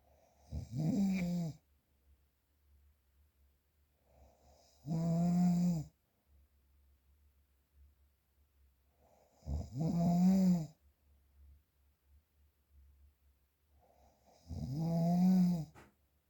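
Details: Real, unprocessed recording of snoring: regular, low, buzzing snores on each inhale, about twelve a minute, with quiet exhales between.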